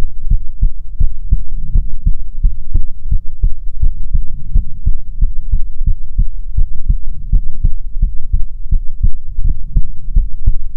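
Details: ASMR heartbeat recording: steady, regular lub-dub heartbeat at about 85 beats a minute, deep and muffled; normal heartbeat.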